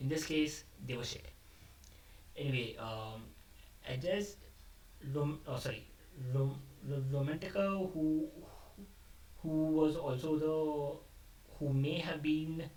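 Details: Adult male who describes himself as a stammerer, speaking off the cuff after abandoning a script, which he says increased his stammering; word repetitions audible; stuttering.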